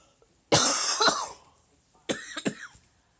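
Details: Two deliberate, forceful adult coughs, each a sharp explosive burst with brief trailing rasp, in a quiet room; voluntary cough, with a sleeping pet clacking teeth and chirping in reaction.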